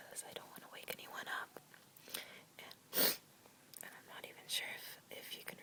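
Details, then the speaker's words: Held-back, hissing stifled sneeze amid quiet breathy whispers, from someone over an illness with slight lingering congestion, sneezing on and off after cleaning a dusty closet, trying to stay quiet and stifle while others sleep. "I'm also kind of trying to stifle them because I got a request to stifle but I'm not very good"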